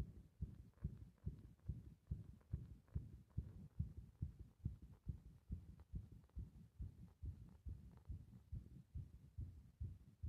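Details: Fast, muffled heartbeat of roughly 140 a minute, mostly regular with a little uneven spacing; heart sounds recorded under compression, rhythm said to become irregular when the breath is held.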